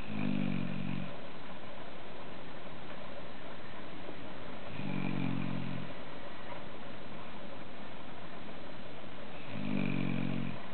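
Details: Snoring, worn out and asleep: low rumbling snores about every five seconds, roughly 12 a minute, over steady background hum.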